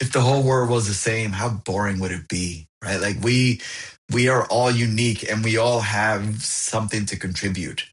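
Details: Adult who stutters, found a support group at 28 and shifted toward acceptance; audible repetitions; stuttering.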